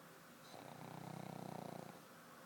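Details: A black pug dreaming and snoring in bed: a single rough, fluttering snore on the in-breath with a rattling vibration; snoring.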